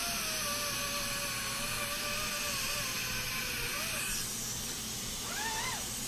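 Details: High-volume evacuation (HVE) dental suction running through the M7 swivel suction mirror in a product demonstration: steady loud hissing roar with a whining tone and brief gurgling changes; dental suction.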